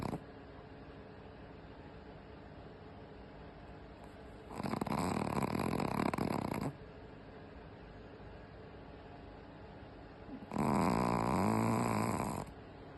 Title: Loudly Snoring